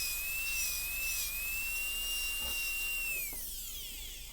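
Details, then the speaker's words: High-pitched steady whine of a high-speed dental handpiece, spinning down at the end, cutting axial taper on a soft Kilgore preprepared MOD Class II practice tooth during a classroom MOD gold onlay preparation demo. "So again, lean the burrow axially and we can recut that wall all the way down to the ginger floor, but get a definite axial taper and then an axial taper over here from one corner to the other."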